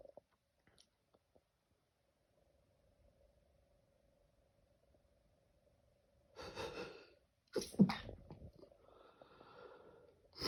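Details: A quiet room late at night, then a sharp in-breath followed by an explosive sneeze with a short trailing breath; a single sneeze.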